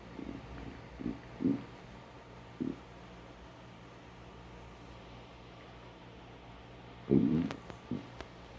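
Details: Empty stomach before breakfast: several low gurgling borborygmi separated by quiet stretches, ordinary hunger growling.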